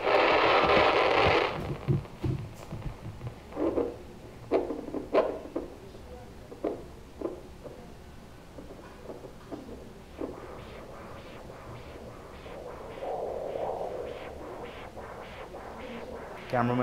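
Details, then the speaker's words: Handheld Doppler ultrasound on the top of the foot of a diabetic patient before foot surgery: repeated whooshing pulse bursts, a clear dorsalis pedis arterial signal showing decent blood flow. "okay so this is dorsalis pedis we can hear it nice and clearly it makes me very happy okay nice sound"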